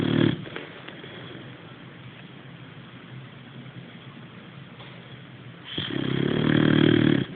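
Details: Sleeping boxer dog, a loud rough snore at the start and another building near the end, quieter breathing between; snoring.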